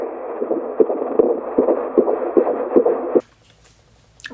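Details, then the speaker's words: Fetal heartbeat on Doppler at a routine appointment, mother 16 weeks 5 days pregnant with her second baby: rapid, regular whooshing, about 150 beats a minute, within the normal range. "i got to hear the heartbeat again so that was nice i'll try to include a little clip right here"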